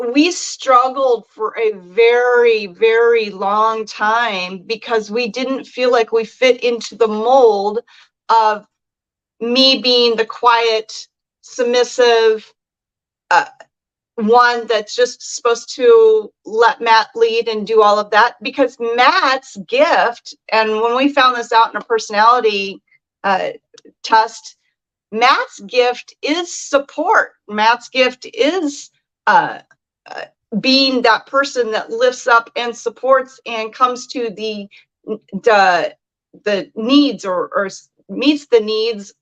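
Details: Adult woman speaking; normal speech.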